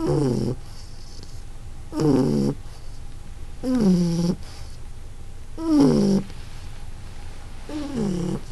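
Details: Shar Pei dog snoring: deep, groaning snores roughly every two seconds, about 30 a minute, each with a wavering pitch.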